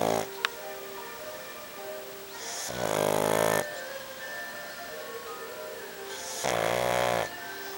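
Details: Sleeping pug dog snoring: two loud, buzzing snores on the in-breath, with music playing in the background.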